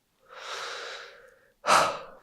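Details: Simulated chiropractor-session ASMR roleplay: a long breathy exhale followed by a sharper, louder breath; audible breathing with no wheeze or crackle.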